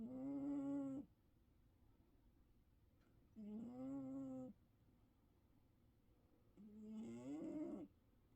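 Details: Three tonal, buzzing snores with quiet pauses between them, about 18 a minute; regular snoring during sleep.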